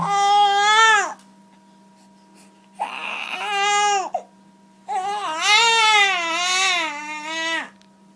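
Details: Three loud wailing cry bursts from a newborn baby during a gentle Gonstead chiropractic neck adjustment, separated by pauses for breath, in a quiet room.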